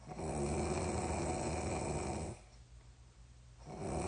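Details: Snoring from a sleeper who later sleepwalked to pee with no recollection: a loud, rumbling, rattling snore lasting about two seconds, then a pause before the next breath.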